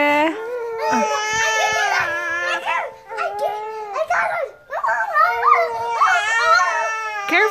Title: Tummy time is crying time @ 1 month old baby